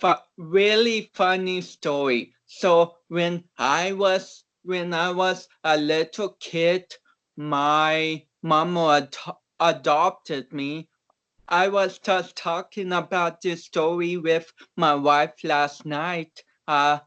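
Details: About 29-year-old male powerlifter with cerebral palsy whom doctors had not expected to walk or talk; real conversational speech showing mild dysarthria in cerebral palsy.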